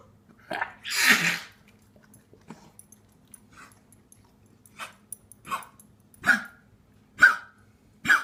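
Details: Dog wheezing: repeated short, raspy, wheezy breaths with one sneeze-like burst over a low hum.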